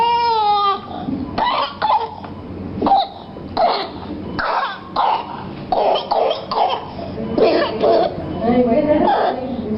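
A young child gives repeated harsh coughing bursts with strained, distressed sounds: cough with breathing difficulty from a suspected inhaled foreign body.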